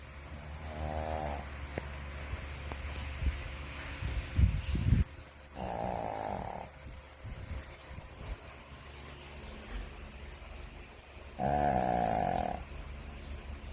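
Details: Snoring: low, fluttering snorts recurring about every five seconds, roughly 11 a minute, over faint room hum.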